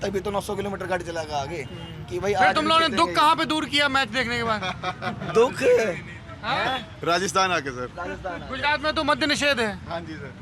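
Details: Adult men talking in Hindi outdoors; Normal conversational speech.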